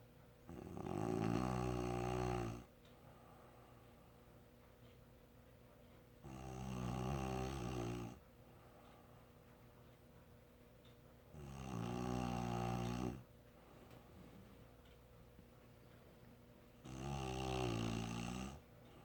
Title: Snoring sound clip